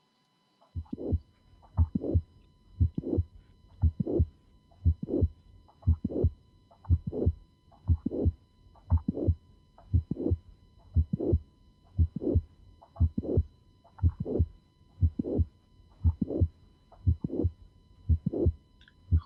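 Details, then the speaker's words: Regular heartbeat about 59 a minute with a mid-systolic click and late systolic murmur, diastole quiet; mitral valve prolapse murmur described as regurgitant and soft, unlike a harsh ejection murmur: mitral valve prolapse. "a the kind of murmur is different because this is a rash murmur while in microbial prolapse is a regurgitated soft murmur"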